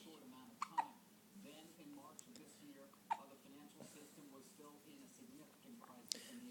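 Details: Female with recurring hiccups again: sharp, abrupt hiccups through soft speech, about four in six seconds; hiccups.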